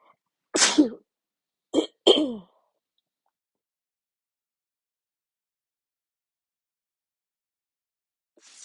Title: Loud and strong sneezes